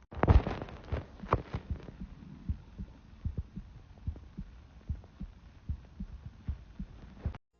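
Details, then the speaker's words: Heartbeat recorded by a phone held against the chest: soft, regular low thuds about 100 a minute, with some rubbing noise. "So I've seen a TikTok. Apparently you can hear your heartbeat through your phone."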